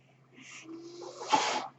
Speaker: That noise here is my ventilator.